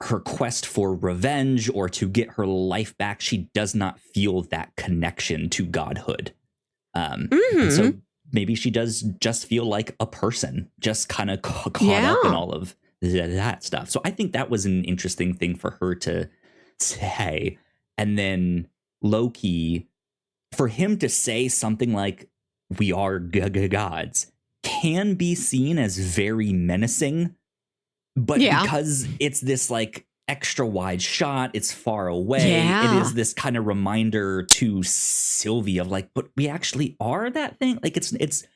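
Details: Adult male podcast host with a self-reported speech impediment, stuttering.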